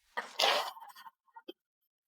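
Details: Acted comedy-skit sneeze, not real, from someone with a runny nose asking for a tissue: a single sharp sneeze burst with trailing sniffles.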